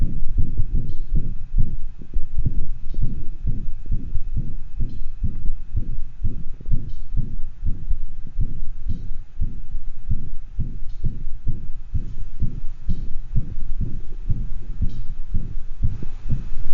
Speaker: systolic detection quality murmurs are diamond shaped or crescendo day crescendo murmurs they get louder and then softer these are usually harsher murmurs associated with stenosis across the aortic or pulmonic valve